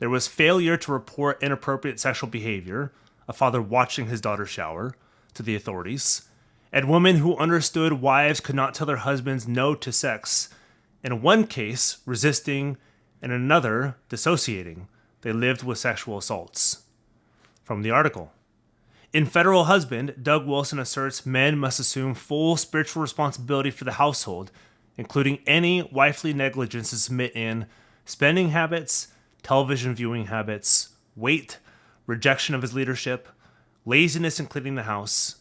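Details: Adult man narrating; normal speech.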